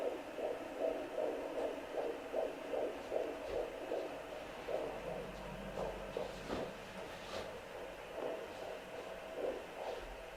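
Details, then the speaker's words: Handheld Doppler used at home by a woman pregnant with her tenth child: fast, rhythmic whooshing pulses, about 150 a minute, fading as the baby moves in the amniotic fluid; fetal heart tones. "auf alle fälle könnt ihr euch selbst genauso kontrollieren eure herztöne die des mutterkuchen und der durchblutung der gebärmutter dass es euer eigener puls"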